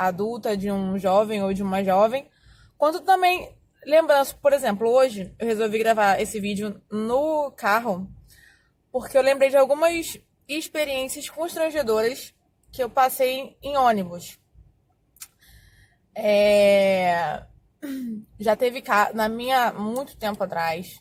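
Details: Adult Portuguese-speaking woman who says she has stuttered for more than 20 years; stuttering.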